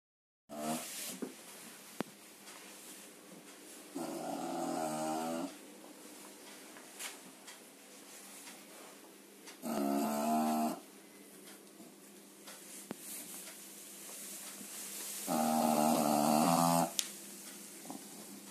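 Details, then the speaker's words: Three rough, growly snores on the in-breath, roughly every five to six seconds, from a sleeping bulldog indoors; snoring. "Буля буль буль Ты храпишь Ты храпишь да"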